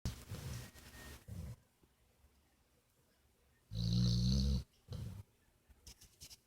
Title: snores